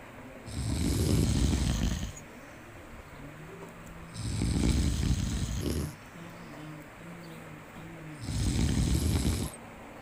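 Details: A sleeping monkey snoring repeatedly.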